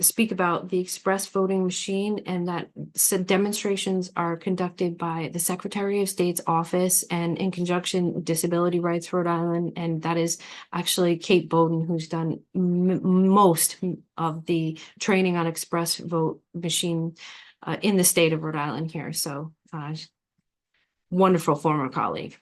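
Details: Adult woman speaking; plain speech.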